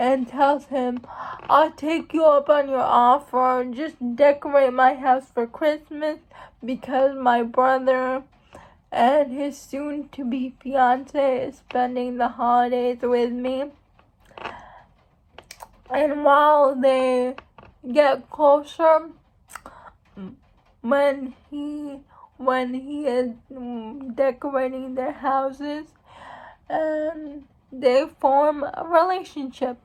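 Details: Speech of a young woman who states she has cerebral palsy; speech in cerebral palsy.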